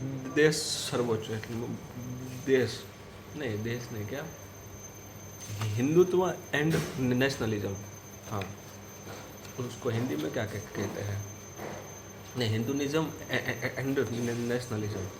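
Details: Stuttering with word repetitions and word searching in a man on day 84 of daily self-practice to control his stutter, during a storytelling exercise.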